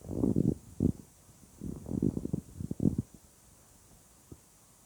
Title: Weird Stomach Sounds